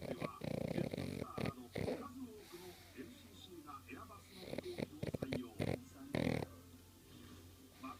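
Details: Snoring from a sleeping 6-year-old male pug who has always snored and sometimes makes laughing sounds in his sleep: irregular snorting, rattling breaths over a steady low background hum.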